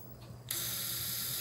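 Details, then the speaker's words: Surgical wire driver running with sudden steady high-pitched whir during transiliac transsacral pelvic fixation with CurvaFix Low Profile implant, surgeon redirecting a wire. "I'll take the wire driver. Yep. I'm going to redirect this wire a little bit."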